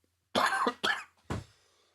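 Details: Podcast speaker coughing from an irritated throat: three quick, harsh coughs in a short burst; dry cough.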